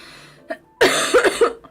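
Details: Girl coughing while she has a cough: a short burst of about three harsh coughs after a brief intake of breath.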